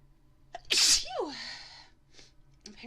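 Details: Single sneeze from a woman, induced by lighting a candle that makes her sneeze every time: short indrawn breath, then one loud explosive sneeze with a trailing exhale.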